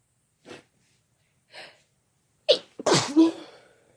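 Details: Sneezing together by a man and a woman: two soft inhaled catches build to a loud explosive sneeze with a voiced tail; an ordinary sneeze.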